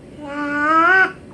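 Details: Two-year-old girl with her outpatient speech-language therapist, attempting a word starting with an H sound; childhood apraxia of speech.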